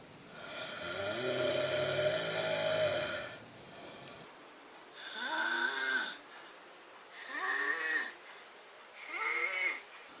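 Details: Four loud, rasping snores, each about a second long and roughly two seconds apart, with a whistly edge on the in-breath; snoring.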